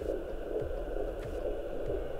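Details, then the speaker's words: Fetal heart sounds on Doppler at 38 weeks plus 3 days (39th week) of pregnancy, baby girl, after first contractions: rapid, regular whooshing pulses, about 130 beats a minute. "Jetzt hören wir mal kurz die Herztöne ab von unserer kleinen Prinzessin."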